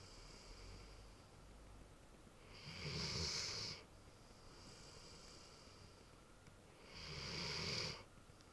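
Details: Loud snoring from a big, sleeping Ridgeback dog: two long, harsh, hissing snoring breaths about four seconds apart, with quieter breathing between.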